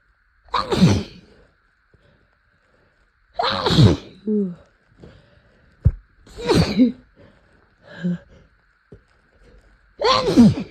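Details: Adult with an allergy day in April who sniffed flowers and then chhinkni (sneeze powder) to provoke sneezing: four forceful sneezes, each with a sharp inhaled build-up before the explosive burst, with quiet breathing and sniffing between.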